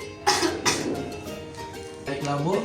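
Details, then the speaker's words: Simulated nursing demonstration of effective cough for blocked airway secretions: adult female patient takes three deep breaths, holds two seconds, then gives two forceful voluntary coughs, with background music. "Baiklah Bu, tarik nafas selama 3 kali dan yang ketiga itu bisa dibantu dengan dorongan batuk."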